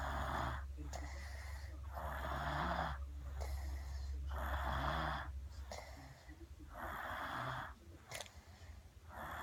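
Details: Tired baby snoring: loud, rough breathing in regular cycles of about 25 a minute, with a low rumble on some breaths, possibly a deliberate snoring imitation.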